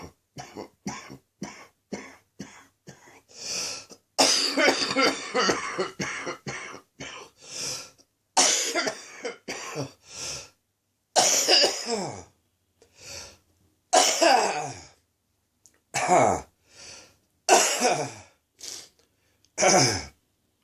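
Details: Adult with an ongoing chest infection, afternoon: repeated harsh, wet-sounding coughs in clusters with throat clearing, a productive chesty cough.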